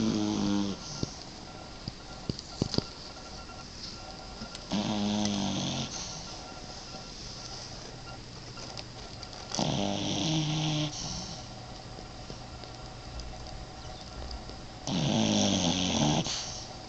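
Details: A small boxer puppy's loud, rough snores recurring about every five seconds, roughly 12 a minute, with a noisy inward rattle on each breath; puppy snoring.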